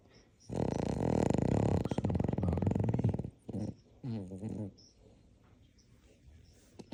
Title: Snoring dog fast asleep !